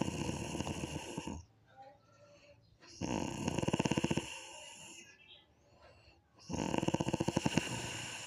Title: Mendengkur atau Ngorok???